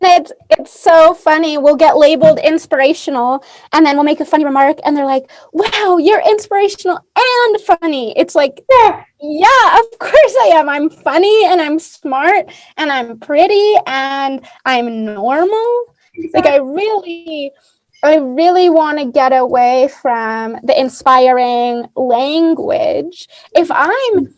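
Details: Adult woman speaking; typical speech.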